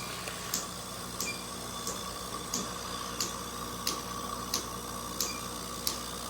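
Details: Laser tattoo removal with a ruby laser on a female patient's nevus of Ota, a deep-pigmented birthmark around the eyelid: metal eye shield and perfluorodecalin patch used, skin prepared with prior peels. Sharp regular clicks about 90 a minute over steady machine hum.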